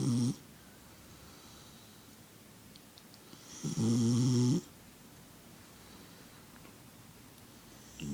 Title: Puppy snoring loud